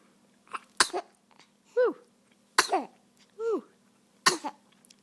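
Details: Cough in someone who says they have the hiccups: three sharp cough bursts, each followed by a short rising squeaky sound, in a quiet room.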